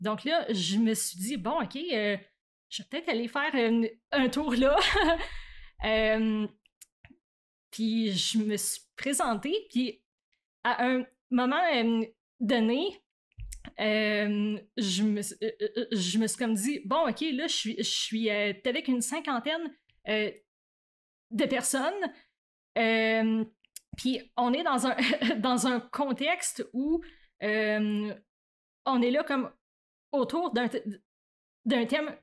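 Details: Adult woman who stutters, stuttering since about age 7 or 8; stuttering.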